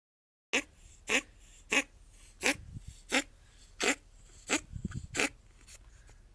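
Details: Pet ferret coughing since mid-May, during coat shedding; owner hopes cold or hair in bronchi but suspects bronchitis: eight short, sharp, dry hacking bursts about two-thirds of a second apart.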